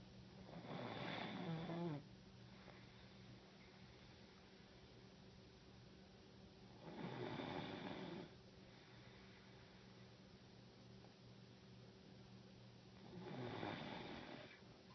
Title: Snoring